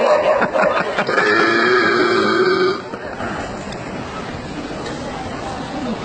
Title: Extreme burping part 2 / Schuddebuiken Facebook